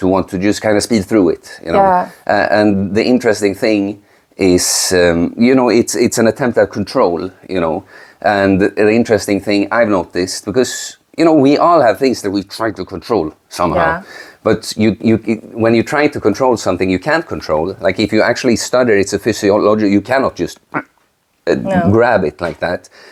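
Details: Adult man speaking; no speech disorder.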